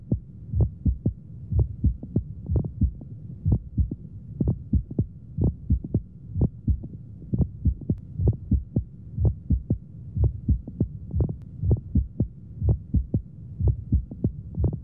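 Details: Hamman's sign in pneumomediastinum: sharp crunching, clicking sounds in irregular clusters synchronous with the heartbeat, auscultated over the precordial area, over a low hum; mediastinal crunch, with double-pericardium sign on X-ray.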